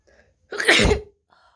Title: Wet Sneezes, Wide Nose Africa.